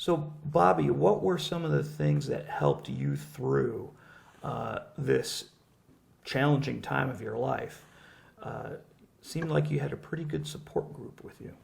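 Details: Adult male speaker (interviewer); normal speech.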